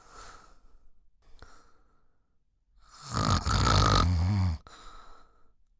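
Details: Snoring sound track for relaxation or background use: one loud, rattling snore on an in-breath between quiet breaths, with a faint steady tone in the background.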